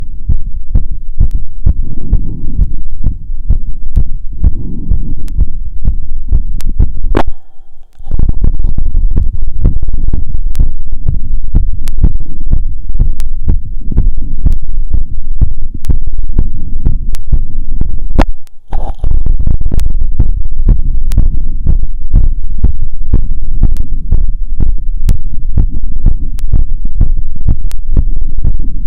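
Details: Stethoscope heart sounds after a 2 km run, auscultated at pulmonic, aortic, Erb's and other sites: strong, steady low heart thumps, normal post-exercise heart sounds.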